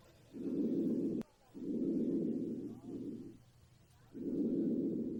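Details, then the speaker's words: Simulated post-operative patient in a nursing vSim, lungs auscultated at the right upper lobe; student judges normal breath sounds. "Sounds normal, I guess. I don't have a whole lot of experience listening to lung sounds, so that sounds good."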